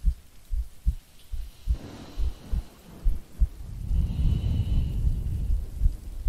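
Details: Steady soft thumping heartbeat at about 72 a minute, partly covered by rumbling rain and thunder, in a no-talking ASMR sleep-aid recording of a woman's breathing and heartbeat.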